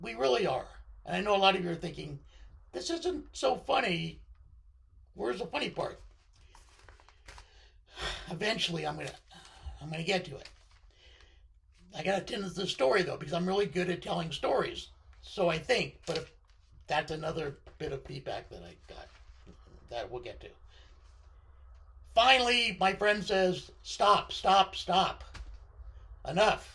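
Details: Adult man with left-sided vocal cord paralysis following surgery, which limits his voice control.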